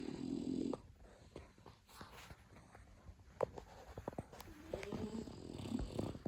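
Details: A sleeping dog gives a rough, rumbling snore, then faint clicks and breathing, then another snoring breath in a quiet room: snoring.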